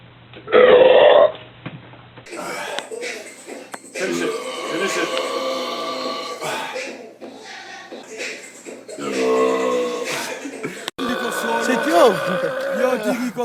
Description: The piggy burp is back!